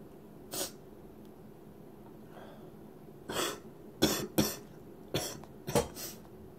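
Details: Several short, sharp dry coughs from an adult, with two brief sniffs, in a quiet room: dry cough.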